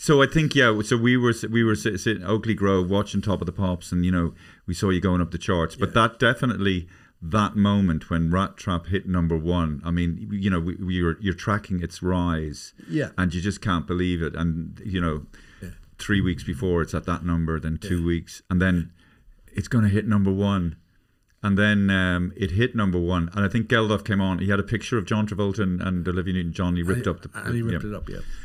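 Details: Adult man speaking, with brief replies from a second voice; ordinary conversational speech.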